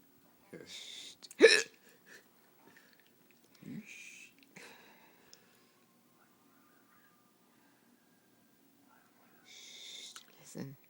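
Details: A sudden sharp hiccup among soft breathy noises and quiet stretches; one of several hiccup recordings made the same night, and the hiccups stopped shortly afterwards.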